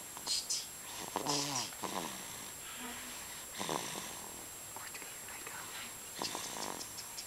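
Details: Rattling, slightly voiced snoring sounds recurring every two to three seconds with each breath over a steady background hiss; snoring.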